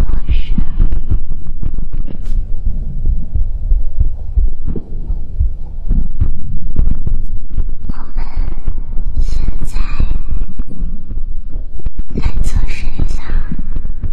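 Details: Loud, muffled low heartbeat thumping throughout with whispery mouth sounds layered on top, counted at 81 beats in one minute; ordinary heartbeat in an ASMR livestream recording.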